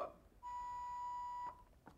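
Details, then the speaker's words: Single steady beep about one second long from a training AED as the shock is delivered in a fire-rescue class demonstration, followed by the prompt to resume CPR. "okay so you're going to deliver the shock it's going to jump right back in and tell you to do CPR again"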